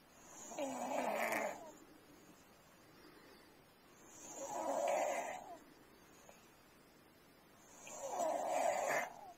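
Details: Pediatric patient whose snoring recurred after a strep infection: three rough snoring breaths in about nine seconds, roughly 19 a minute, with quiet exhalations between; snoring.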